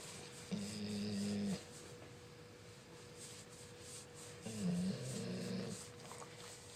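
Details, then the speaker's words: 88 lb Labrador snoring when petted while resting: two low, buzzing snores about four seconds apart over a faint steady room hum. "She snores when I pet her. Stop, and then I do it."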